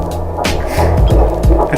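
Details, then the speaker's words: Fetal heartbeat heard on handheld Doppler at the third prenatal midwife visit: low, rapid whooshing pulses under a steady hum. "well we got to hear the heart beat again they would quick visit but it's fun"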